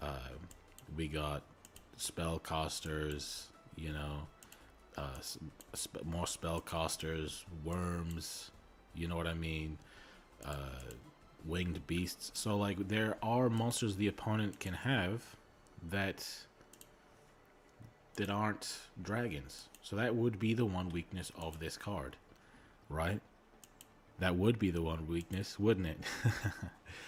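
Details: Male streamer who self-reports a speech impediment and stuttering; word repetitions heard; stuttering.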